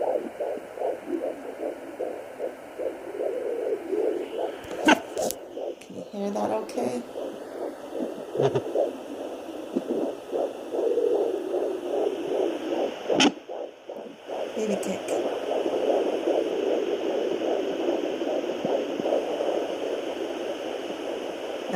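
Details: Fetal heartbeat at 16 weeks of pregnancy on a home pocket fetal Doppler, first use: fast, regular whooshing pulses about 150 a minute, broken by loud bumps from movement.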